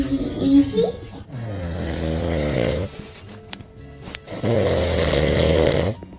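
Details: Panda snoring: two long, rattling snores with a short pause between them, under background music.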